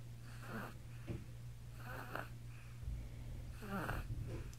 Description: My two month old son snores only when he's laying on me. It's so cute.